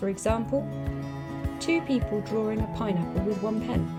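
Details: Adult speaker with background music; Plain speech.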